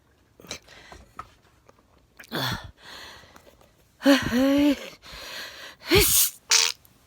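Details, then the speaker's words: Person with a lot of sneezing over recent days: several sharp bursts with voiced catches and sniffs between them, heard in a small room; a run of sneezes. "the last few days i've had a lot of sneezing and the videos you're getting on youtube now are from maybe a week ago a few days yes ago"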